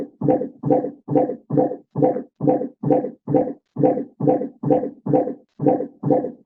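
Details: Intermittent Doppler auscultation of fetal heart in labour, 15-second counts: galloping fetal heartbeats around 136/min, below the 158/min baseline, as an initial deceleration recovering to baseline over the first 20 seconds.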